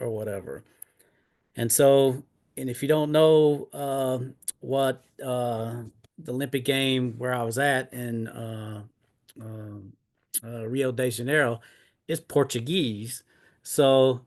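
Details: Retired, disabled adult man with aphasia after two mini strokes in 2016.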